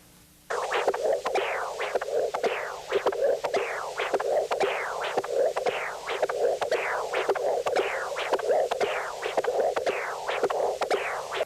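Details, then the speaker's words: CW Doppler of a 5-year-old ball-cage mitral prosthesis in sinus rhythm. Rhythmic whooshing flow with valve clicks, about 57/min. Early peak 1.5 m/s, atrial 1.8 m/s, no end-diastolic gradient, mean gradient 4 mmHg, pressure half-time 136 ms. "by cw doppler the early velocity peak is 1.5 meters per second and the atrial velocity peak is 1.8 meters per second"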